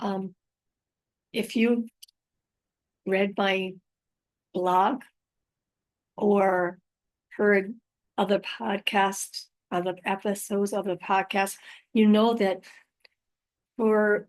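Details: Female host living with aphasia after a stroke, also mentioning apraxia of speech and dysarthria; unedited recording keeping pauses and mistakes, made on a good day, in the morning; aphasia.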